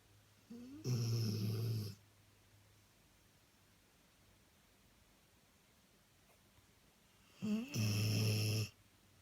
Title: chip snoring